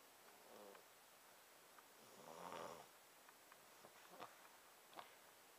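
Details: Child, called a baby, snoring loudly in deep sleep after skipping a nap and staying awake from 1 to 5 am, with rough, rattling noises on each breath in and quiet pauses between.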